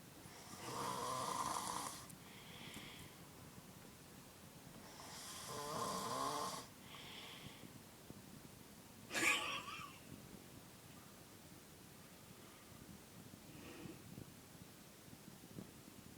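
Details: Two long, hissing, rattly snores followed by a brief snort, then quieter breathing: snoring during sleep.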